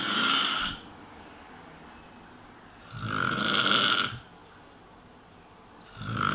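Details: Adult male friend snoring at 5 a.m. while asleep: very loud, harsh, rattling snores about every three seconds, roughly 20 a minute, with quiet breathing between; heavy snoring.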